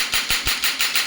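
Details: Shockwave therapy device for trigger point and soft tissue therapy, frequency being raised after slow single shots at about two minutes of working time: six sharp, evenly spaced mechanical taps as the applicator fires in quick succession.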